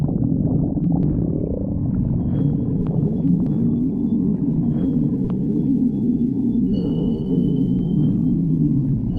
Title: Tikal stomach growling